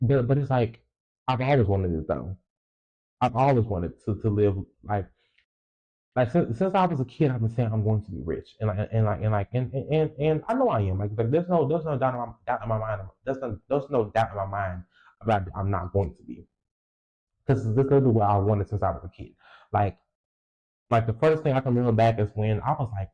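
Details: Stuttering in a 20-year-old female podcaster who reports a lifelong speech impediment, real unedited speech with repetitions of words and sound parts.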